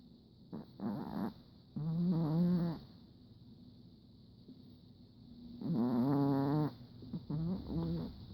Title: My Chihuahua snoring